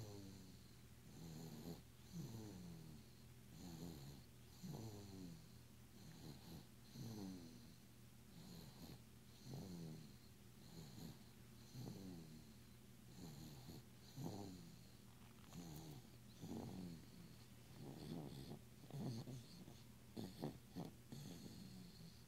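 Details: Sleeping baby aged 9 months 1 week snores with a regular rattle on each breath, about 25 per minute, over background hum; infant snoring.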